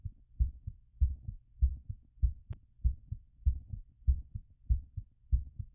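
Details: Stethoscope auscultation during post-exercise recovery: regular, fairly quick heartbeat about 98 per minute with clear paired thumps; normal heart sounds.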